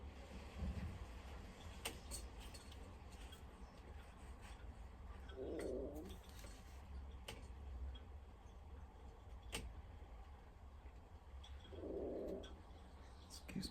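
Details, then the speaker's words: Adult's empty stomach rumbling (borborygmi) after skipping breakfast and lunch; two brief gurgling rumbles over low room hum and light tapping. "so you'll probably hear my stomach moaning for a while"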